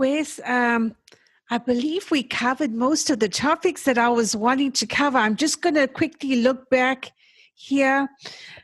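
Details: Adult woman speaking; typical speech.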